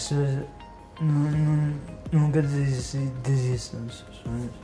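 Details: 35-year-old man with spinocerebellar ataxia type 3 (Machado-Joseph disease), a progressive genetic disease, symptoms since 2013, with great difficulty speaking and moving and coordination and balance problems, receiving stem cell treatment; ataxic dysarthria.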